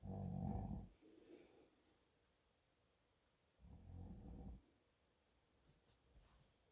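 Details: A sleeping adult man (a father) gives two loud, low rattling snores about three seconds apart, with quiet breathing between: ordinary snoring.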